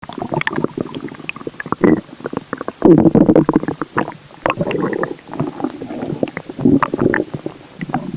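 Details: Nevaeh's stomach growling: irregular gurgling, bubbling rumbles and squeaky gas-and-fluid sounds coming and going in bursts, typical borborygmi.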